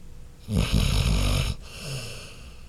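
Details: Sleeping dog snoring: a single loud, rough, low snore lasting about a second, followed by a softer breath out.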